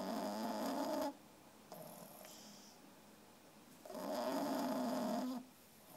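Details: 3-month-old female French Bulldog puppy asleep, tired after playing all day: loud, rattling snores with each breath, about two breaths: snoring.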